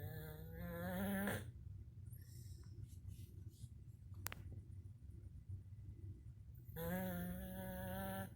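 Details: Snoring: two long, droning snores with a quiet pause between them, over low room hum.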